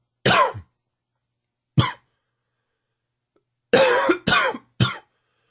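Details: Five harsh coughs in two bursts, the last a quick run of three; smoker's cough, worsened by humid weather and heavy smoking.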